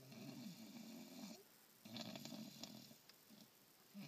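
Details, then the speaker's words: Tired sleeping dog snoring with soft, rumbling snores in slow breaths and quiet pauses between, described as snoring like an old man. "he's tired? Really, girl? You're snoring like an old man, buddy."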